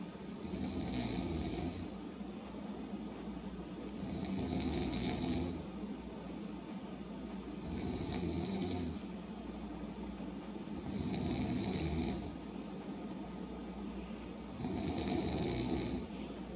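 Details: Regular rasping snores with a hissing edge, about 18 breaths a minute, over steady room hum: snoring during sleep.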